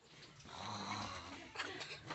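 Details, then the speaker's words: Sleeping child snoring after falling asleep while playing on a phone too long, covered with a blanket by friends; a rasping, fluttering in-breath over a noisy room background. "Tengok nih guys sampai tertidur pulas enggak tahu dia guys diselimutin kawan-kawannya guys lagi ngorok dia guys"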